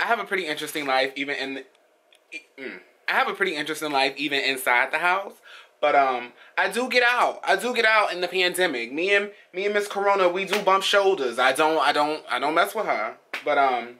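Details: Vlogger who states they have a stutter, speaking casually with audible word and phrase repetitions; stuttering.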